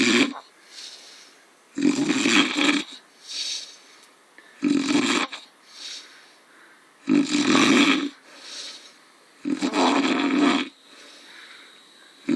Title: dad snoring after one too many.